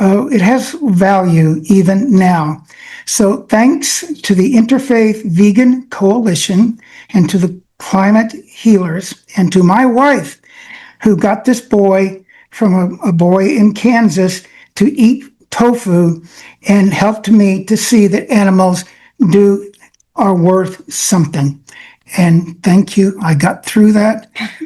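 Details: Adult man with self-reported aphasia that limits his access to many words, speaking in an acceptance speech; aphasia.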